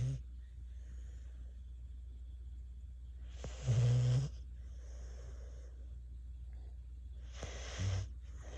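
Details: Snoring with eyes open: two snorting snore bursts about four seconds apart over a steady low hum.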